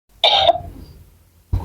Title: cuma batuk biasa kok! #reactionvideo #memelucuuhuhuh #ngakak #trending #shorts